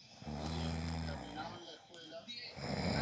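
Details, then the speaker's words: Husband asleep at night, recorded by his wife because he denies snoring, likened to a mare: one deep, rattling snore followed by rustling and room noise; ordinary loud snoring. "padre sí parece una yegua parece una diego cuando están rellenando ronca como una yegua rechinando ahora se metió ron kirk"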